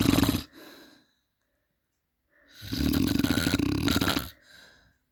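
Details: Loud, rattling inhaled snores with softer out-breaths between them from a sleeping adult man; heavy snoring.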